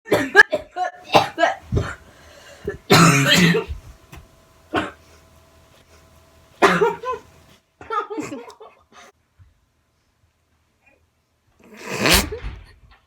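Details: Sick child coughing for about 1 minute 20 seconds in short, irregular bursts, some single and some clustered, with quiet pauses between; cough.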